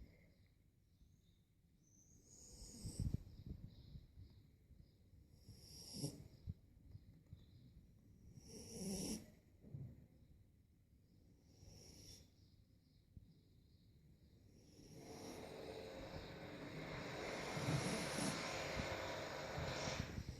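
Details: A 3-month-old sleeping dog snoring: loud snorting snores a few seconds apart, with rattling noise toward the end.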